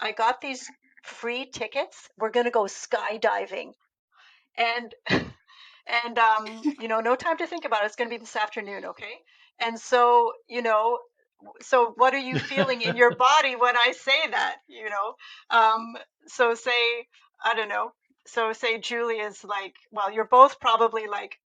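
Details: Adult woman speaking; typical speech.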